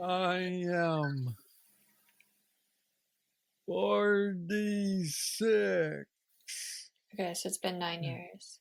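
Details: 46-year-old man with Parkinson's disease diagnosed at 35, about 11 years ago, which he describes as the most aggressive form, with mobility struggles and a deep brain neurostimulator implant; real patient; Parkinsonian speech (hypokinetic dysarthria).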